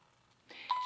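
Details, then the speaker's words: Baxter Sigma Spectrum IV infusion pump during a training demonstration, with a red alarm screen prompting a check that the tubing above is unkinked: a rising electronic alert, then a steady high beep; upstream occlusion alarm. "then again here's an example of what's called an upstream occlusion. Again, the alarm is red, it's troubleshooting saying make sure everything is unkinked above."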